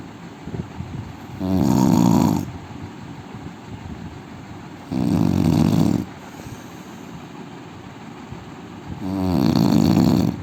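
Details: Man snoring loudly: deep, rattling snores on three breaths about every four seconds, with steady room noise between; heavy snoring.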